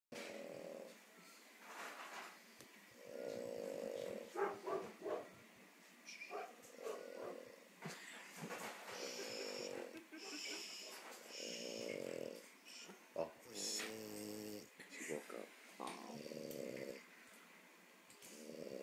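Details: A sleeping French bulldog snores with rough, grunting, pig-like snorts on each breath.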